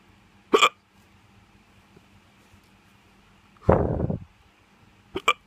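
Three sharp, abrupt vocal bursts, typical of hiccups, against quiet room noise.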